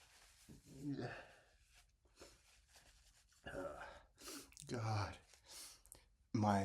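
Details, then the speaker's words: Sneezing fit after cooking with lots of black pepper: breathy gasps, sighs and snorting nasal bursts, ending in an abrupt loud sneeze. Spices trigger persistent, non-rapid sneezing and nostril flaring. "But, if I do cook something with spices, I always have to be very careful because one small whiff and I'm sneezing for like 30 minutes."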